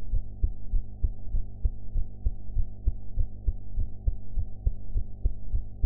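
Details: The recorder's own heart sounds, captured after eating: regular low thumps at about 100 a minute over a steady low background hum.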